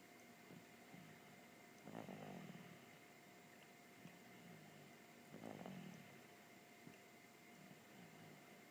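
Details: Person snoring, recorded September 2014: faint, soft snoring breaths about every three to four seconds under steady fan-like room noise.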